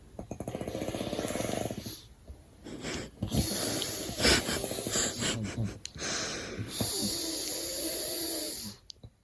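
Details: Loud, rough, vibrating snores with snorting catches from a sleeping adult man (father) while a baby sleeps; heavy snoring.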